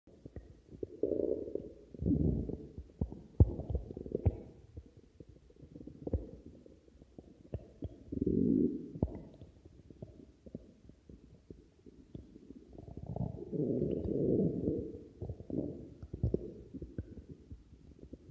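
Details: Stomach growling: soft, recurring low gurgling rumbles that swell and fade, with brief pops; ordinary borborygmi.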